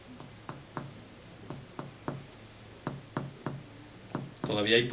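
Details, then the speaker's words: Teaching demonstration of chest percussion moving down the chest: hyperresonant lung notes that change to a dull note where cardiac dullness begins. "Todavía hay pulmón aquí. Aquí también hay pulmón. Y ahí ya empezó la matidez cardíaca."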